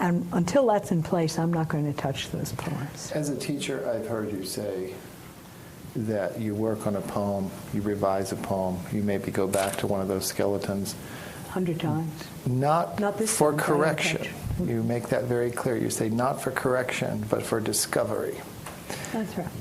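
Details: Adult male speakers in interview; conversational speech.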